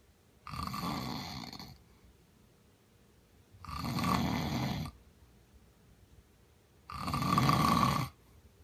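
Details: Husband snoring while asleep, though he says he doesn't snore: three long, rough, low rattling snores on the in-breath, about three seconds apart with quiet pauses.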